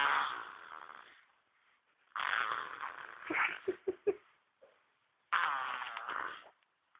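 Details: Three rattling, fluttering infant snores on breaths every two to three seconds, with a few short snorting pops between them: baby snoring.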